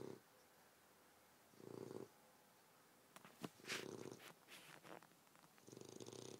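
Soft, fluttering snores repeat every few seconds, with brief rustling noise between them.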